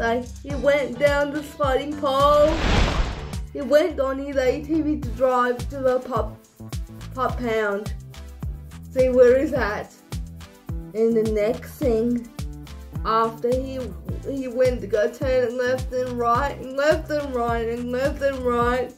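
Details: Young speaker narrating a story; dysarthric speech in cerebral palsy.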